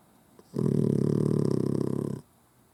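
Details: Single long, rattling snore with a fast flutter through it from a sleeping puggle dog that sleeps with eyes open, in a quiet room; snoring.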